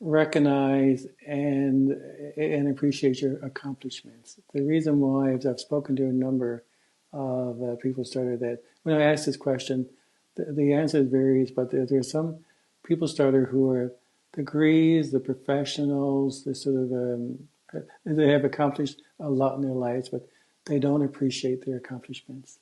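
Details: Stuttering in an adult man who stutters, speaking in a podcast interview, with word repetitions heard such as "I I", "some some" and "wouldn't wouldn't".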